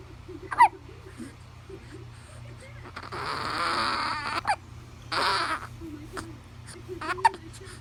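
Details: 1-month-old infant hiccuping: brief sharp hiccup sounds every few seconds, with soft fussing and quiet room noise.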